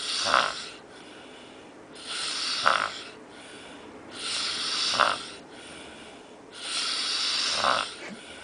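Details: Adult snoring, recorded in Cancun, Mexico; four loud, harsh snores in a slow, regular rhythm, about 26 breaths a minute; ordinary snoring.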